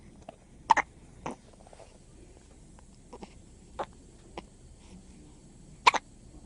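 Small, sharp, irregular hiccup sounds recur over several seconds, with faint room noise in the background.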